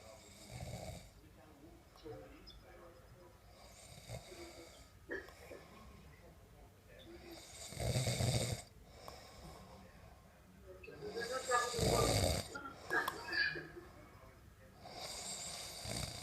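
Two loud, rough snoring bursts on breathing in, several seconds apart, with quieter breathing and faint room noise between.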